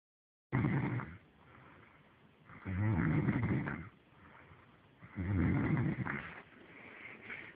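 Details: Drunk man on a fishing trip snoring: deep, rumbling snores on each breath, about 25 a minute, with softer breathing sounds in between.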